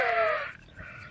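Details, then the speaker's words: A harsh, high-pitched, crowing sound, then quiet: stridor from croup, a swollen, narrowed upper airway. "بيكون عنده سعي باركنين كافي صعوبه شديده بالتنفس اللي بنسميه سترايدور"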